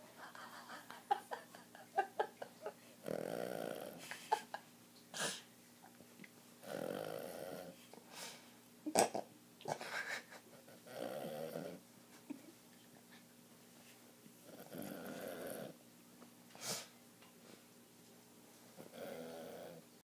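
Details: Izzy, an animal that survived renal failure, snoring while asleep: steady, regular snoring at about 15 breaths a minute in a quiet room.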